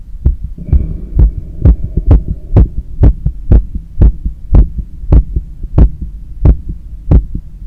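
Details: Normal heart sounds on cardiac auscultation during cool-down after a long run, with visible neck veins and pulse and breathing noise.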